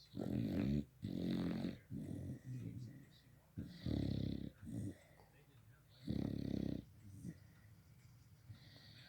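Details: A pet dog snoring while sleeping: low, rumbling, fluttering breath noises in irregular bursts, with quiet pauses between.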